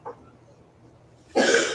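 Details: Adult man coughs and clears his throat mid-sentence while giving a spoken testimony during a live stream: cough.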